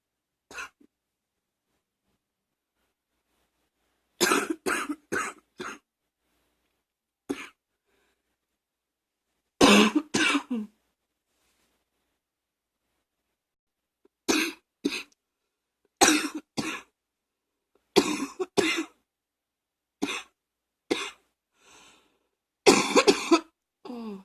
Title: # 64 coughing, allergies, singing lungs